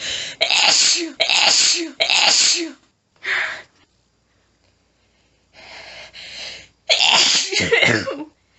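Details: Woman, nose tickly all day, trying to stifle without success: a rapid run of very strong sneezes in quick succession with breathy, panting pauses between, an intense paroxysmal sneezing fit.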